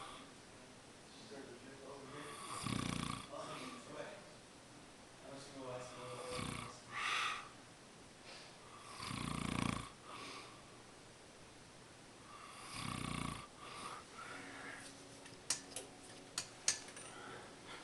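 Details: Man who denies snoring, recorded asleep: loud, low, rumbling snores roughly every three to four seconds, with room noise and faint clicks; snoring during sleep.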